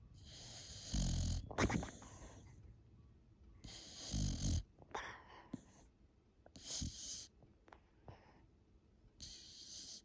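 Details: Sleeping female Boxer dog giving loud, rattling snores about every 2.5 seconds, with softer snuffling breaths between them; snoring.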